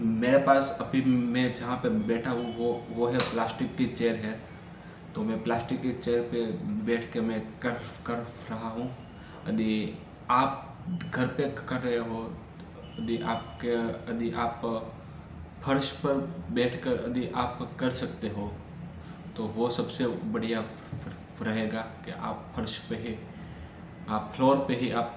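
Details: Adult man who stammers, recorded on day 7 of a daily speech-practice routine that starts with breathing exercises to relax body and mind; he has practised daily for three to four months; stammering.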